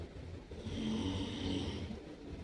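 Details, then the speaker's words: Speaker's little brother sleeping on the floor: a single loud, low, rumbling snore rising and fading over about two seconds in a quiet room; snoring. "Just my my bro my little brother over there sleeping on the floor start snoring. Snoring like an animal."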